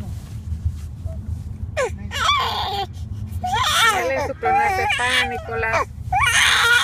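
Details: Infant boy's whimpering cries rising into louder wails in bursts over a low hum; ordinary crying before he calms on hearing his song.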